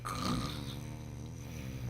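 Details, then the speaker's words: Single coarse, low, rattling buzz on one breath lasting about two seconds, from throat soft tissues vibrating during sleep: typical snoring. "snoring is the sound that happens when the soft tissues of your throat vibrate during sleep"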